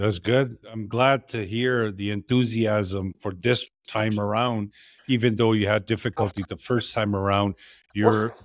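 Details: Adult man speaking; normal speech.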